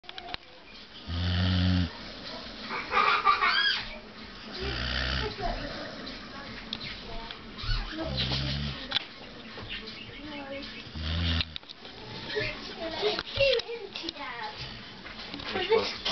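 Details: A dog sleeping in bed with its owner: irregular low rumbling snores mixed with snuffling breaths and some background noise; snoring.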